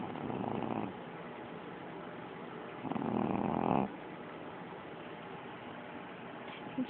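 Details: Two rough, rumbling, very loud snores a few seconds apart from a puppy during her midday nap: snoring.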